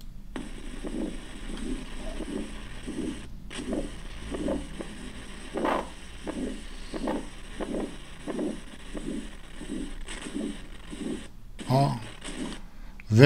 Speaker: very enduring atherosclerosis, huh? Aortic stenosis murmur. Great.